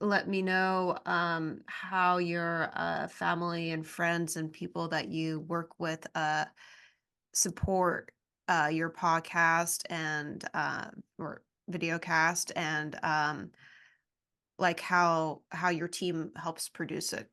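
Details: Adult speaker; ordinary conversational speech.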